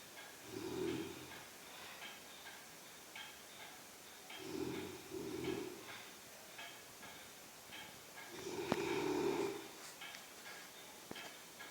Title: BEAST snoring woman